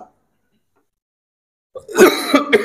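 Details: Preacher coughing during Friday sermon (khutbah) but continuing despite pain: silence, then harsh throat clearing and two or three short coughs close to a microphone.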